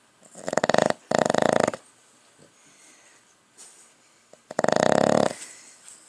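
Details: Loud, rattling, fluttering breaths in bursts with quiet gaps, from a dog snoring while awake; the airway flutter clearly audible.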